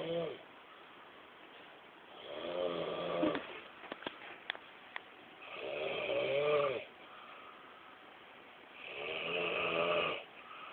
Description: Snoring Captured in a Pakistani Movie Style :P